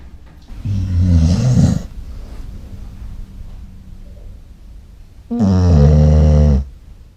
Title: The Loudest Snoring Dog Ever..